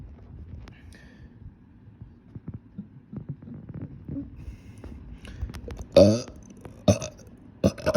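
Three loud, rough burps come in quick succession after a stretch of low room noise.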